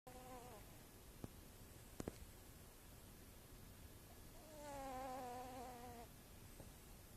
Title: Snoring Cat